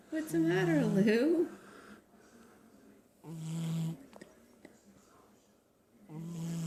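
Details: Snoring while asleep; the snorer is then told to wake up.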